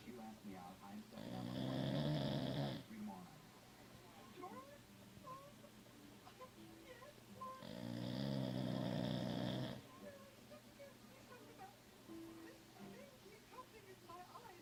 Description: My pit bull snoring